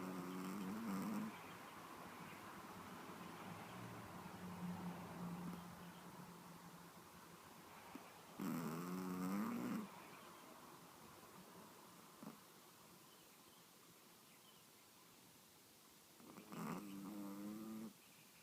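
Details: Sleeping Pomeranian dog snoring: quiet, low rattling snores roughly every eight seconds over faint background hiss; snoring.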